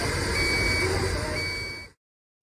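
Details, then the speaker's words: Obstruction test on a powered air-purifying respirator (PAPR) during PPE donning for airborne contact precautions. Covering the airflow port triggers a steady high electronic alarm tone with a short break over fan noise. Respirator obstruction alarm. "perform an obstruction test by covering the airflow port this may take a few moments but you want to hear an alarm sound letting you know the machine will alert you when there's an airflow obstruction or your battery is low"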